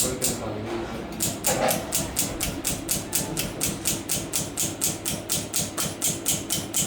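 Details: Fast, regular mechanical ticking, about two pulses a second, over operating-room hum as a Lithoclast II breaks an approximately 2.5 cm bladder stone endoscopically without incision; pneumatic lithotripsy.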